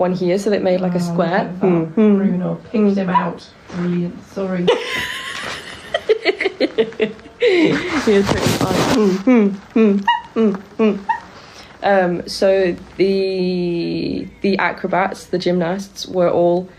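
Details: Vocal tics in a person with Tourette syndrome, making tic noises while awake during a live stream; also reports twitching a lot and grinding teeth during sleep.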